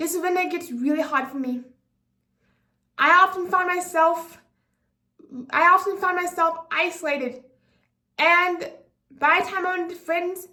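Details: 24-year-old woman with apraxia of speech, a speech disability affecting sound articulation; she says her speech gets tense with new people or under pressure; speaking unscripted; apraxia of speech.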